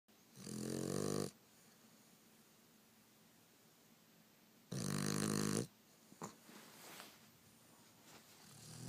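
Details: Female pet dog snoring "like a pig": two loud, rough, rattling snores, each about a second long, with quiet breathing between; ordinary snoring.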